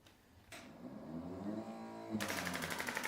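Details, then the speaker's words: A hum, then fast sharp clicks about four a second: a radial shockwave therapy device firing pulses with ultrasound gel on the person's own Achilles tendon near the heel base, for Achilles tendinitis. "Use a bit of ultrasound gel just to help with the gliding. And it is a little bit loud on here."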